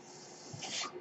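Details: Mechanical ventilator breath cycle.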